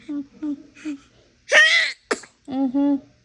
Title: #baby sneezing 🤧